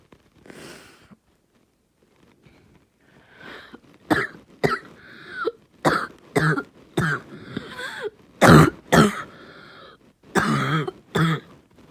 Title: Barking cough 2